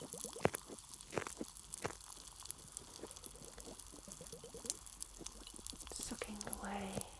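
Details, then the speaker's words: Simulated ear microsuction in a role-play of grommets slipped behind the eardrum: irregular wet crackling, slurping and dripping bursts with faint hiss as a suction tube clears the ear canal. "Alright, so I'm just inserting the Microsuction tool now. Okay, and away we go. Strange sounds."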